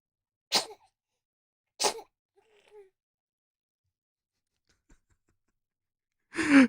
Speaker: he sneezes, this makes the funniest noise.